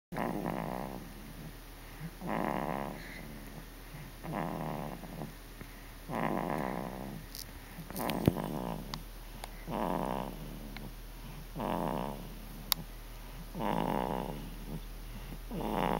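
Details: 14-week-old baby with Dandy Walker snoring: regular rattling snores on each breath, about eight a minute, over a low steady room hum.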